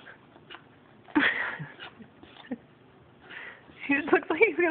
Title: My dog reverse sneezing